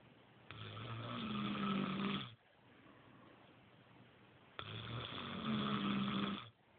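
Two long, loud, rattling breaths about four seconds apart, with a quiet pause between; snoring.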